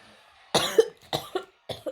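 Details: A child gives three short coughs in quick succession, each with a sharp explosive start.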